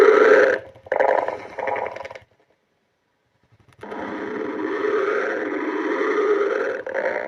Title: stomach growling